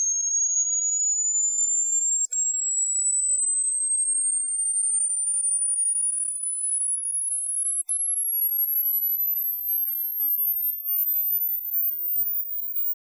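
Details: Simulated hearing test: a steady high pure tone slowly rising in pitch toward the top of hearing, with two brief dropouts.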